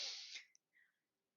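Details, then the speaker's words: A single sharp, hissing burst of expelled air fading within half a second, then a faint breath: a sneeze from an adult speaker who warns of sneezes, hacking and a cracky voice. "You'll hear sneezes. You'll hear hacking. My apologies for all of that in advance."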